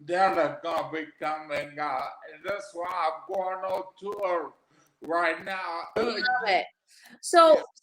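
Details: Adult man with aphasia after three strokes, the first about 13 years earlier; aphasia.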